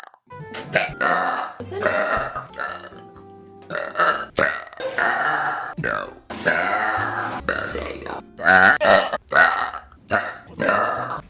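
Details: Woman, who says she feels a burp coming, gives a run of long, loud voiced belches one after another over background music; repeated burping.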